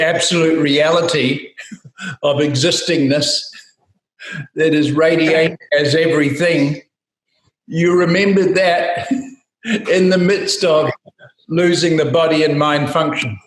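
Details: Adult speaker; normal speech.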